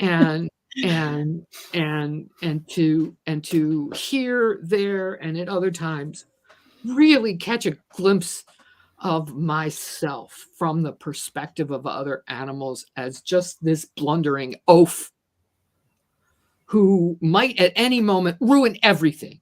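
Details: Adult woman who stutters and describes herself as a person with a disability; this stretch shows repeated words; stuttering.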